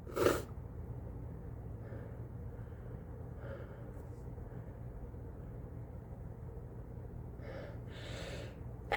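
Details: Sneezing into a face mask during a head cold: a sharp, explosive sneeze followed by quieter muffled breaths and snorts; repeated sneezing that won't stop.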